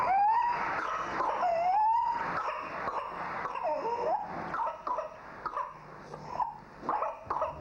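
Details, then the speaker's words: Infant with whooping cough (pertussis): high-pitched, drawn-out crowing sounds between short, sharp coughing bursts in spasms. "Suffering from whooping cough, her mother has been up all night for the past 2 nights."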